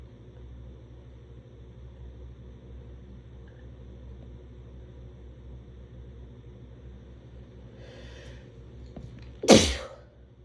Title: Very strong sneezes